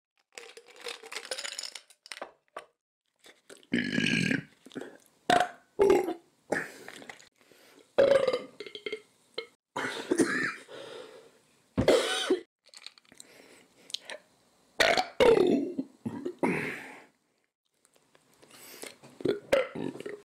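Repeated loud belches from an adult while eating, with chewing and crunching noises between them.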